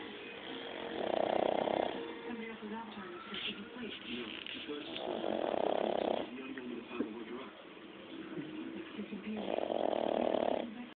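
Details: Benji snoring loud: three loud, rough snores about every four seconds, roughly 15 breaths a minute, with softer noise between.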